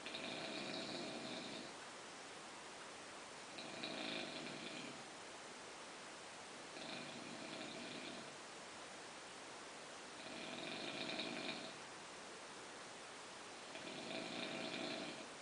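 Rhythmic rough snoring with each breath, about 17 a minute, over steady background hiss.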